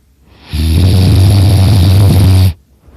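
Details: Person napping on a couch in a quiet room, snoring super loud; says it slightly hurts the throat: one loud, low, rattling snore of about two seconds with heavy vibration during a breath while asleep.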